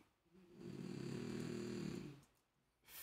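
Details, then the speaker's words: One long, low, rumbling snoring breath from a sleeping female pet dog, recorded during a live coding session, with quiet room noise before and after. "can you hear my dog snoring she's so funny she cracks me up"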